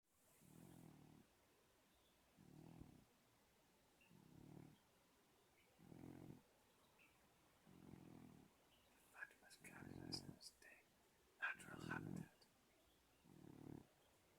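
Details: Soft, regular snores, about 34 a minute, from a sleeping cat, with brief faint background sounds partway through; ordinary snoring.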